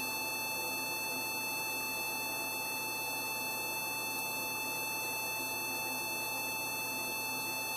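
Steady high-pitched electronic tones over room hiss, from a veterinary surgical laser running during a procedure.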